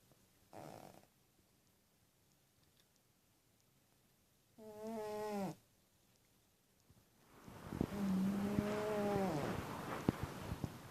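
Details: Small sleeping cat snoring in short bursts, some tonal and whistling, separated by pauses; snoring.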